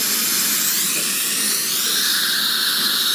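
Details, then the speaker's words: Steady high-pitched hiss and whine of a piezo ultrasonic scaler with high-volume evacuation and a mouth mirror, single-handed technique, during a routine dental cleaning. "but this is how i hold my hand instrumentation my ultrasonic when i'm using an hve and i wanted to share this with you"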